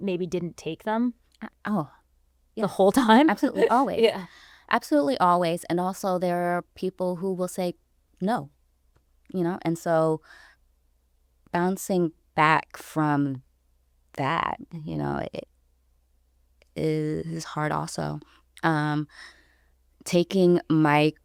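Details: Stuttering in an adult woman, about 29 or older, who self-identifies as a person who stutters; stuttering.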